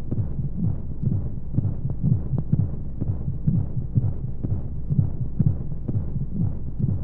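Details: Womb-sound sleep aid for babies: muffled, steady low heartbeat thumps at about 60 a minute under a soft whooshing white-noise hum, as heard inside the womb; heartbeat.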